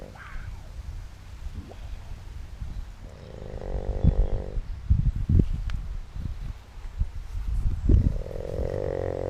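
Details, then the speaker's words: Loud, low rumbling snoring with vibrating, buzzy tonal stretches, recorded on video of an adult man asleep who had long denied being a snorer. "Somebody is fucking snoring. Wow. That would be. you snoring crazy."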